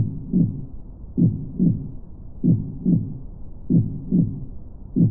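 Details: Steady, regular paired lub-dub heart sounds at about 48 beats a minute, used as an ambient relaxation soundtrack; a normal heartbeat.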